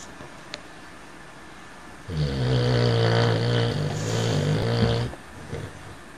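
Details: Male cocker spaniel asleep and dreaming; one long, loud, low, rattly, buzzing snore lasting about three seconds: snoring.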